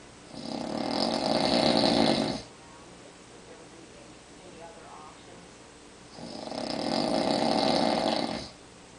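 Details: Adult man (father) snoring in sleep on a recliner chair, recorded in the dark: two long, loud, rattling snores about six seconds apart, quiet breathing between, roughly ten breaths a minute.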